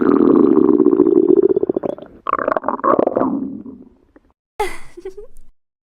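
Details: Stomach growling: long gurgling, rumbling growl with bubbling bursts, then a shorter squeaky gurgle.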